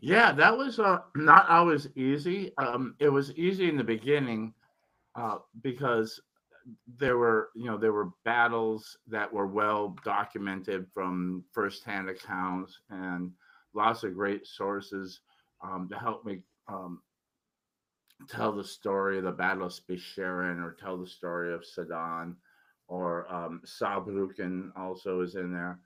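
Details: Adult male recovering from tongue cancer after chemotherapy and radiation, tongue still somewhat swollen from treatment, previously unable to speak for a while; finding: articulation impairment after tongue cancer treatment.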